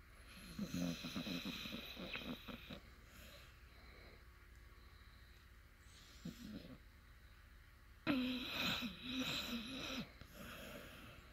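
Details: Sleeping puppy making soft, uneven snorts and rattly breathing noises in irregular bursts over quiet room noise; snoring.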